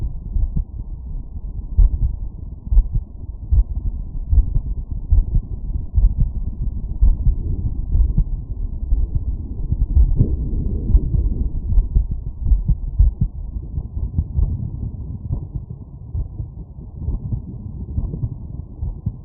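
Steady, regular low thumps of a heartbeat come through a stethoscope placed over the aortic valve area, with some rubbing and muffled background noise. These are normal heart sounds after physical exertion, with a firm, regular rhythm and no clear extra sounds.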